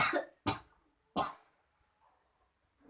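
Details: Clinical skills practice, adult female patient taught effective coughing after deep breaths: three strong, sharp coughs in quick succession to clear the throat; voluntary effective cough.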